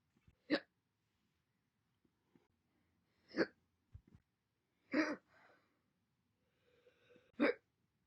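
Four abrupt, sharp single hiccups separated by quiet pauses of a few seconds.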